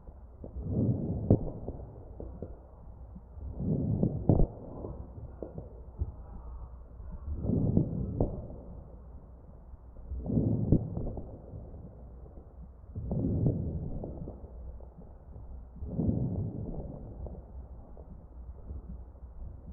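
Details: Crackles heard over the chest of a real patient on a ventilator.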